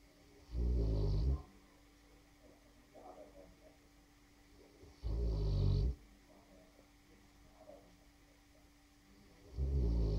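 Deep, loud rumbling snores about every 4.5 seconds, roughly 13 a minute, with quiet breathing between; heavy snoring in a sleeping large dog.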